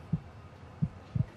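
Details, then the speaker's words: Recorded human heartbeat of a volunteer for a jazz project on heart health: soft, low thumps at a steady rate of about 85 a minute with faint background hum. "bearing all in the name of science he's hooking up with a jazz band which is jamming to the real life beat of the"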